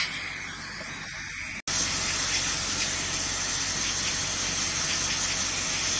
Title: Dental Scaling Clean Airflow Dental Hygiene 1